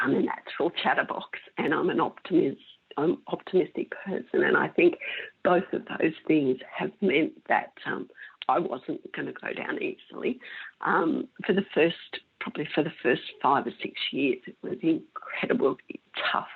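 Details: Woman with mixed adductor and abductor spasmodic dysphonia for about 16 years, treated with Botox injections into the larynx that stop some spasms; spasmodic dysphonia (mixed adductor and abductor).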